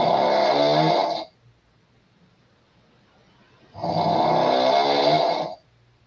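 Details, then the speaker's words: Two long, loud, buzzing snores from a blonde woman in bed, separated by a quiet pause of about two and a half seconds; heavy sleep snoring. "this woman standing here with the blonde hair she's going to get in the bed and you're going to hear her snoring right about here"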